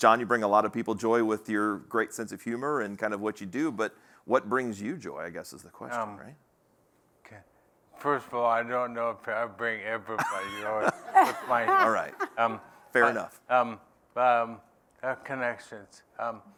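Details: Adult man living with ALS who says his own speech isn't great: dysarthria (ALS)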